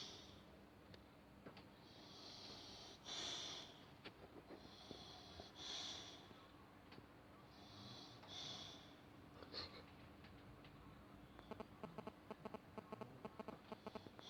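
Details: Sleeping dog snoring with tongue out: soft, irregular snorting breaths with a light whistle in places and faint clicks.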